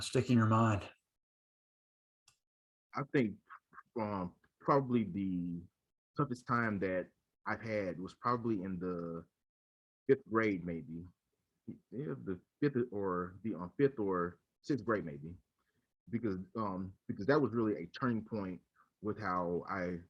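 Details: Adult man who stutters, speaking in a conversation between two people who stutter; he recalls hiding his stutter with silent blocks in his school years; stuttering.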